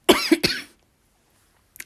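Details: Two quick, dry, tickly coughs in close succession, then silence.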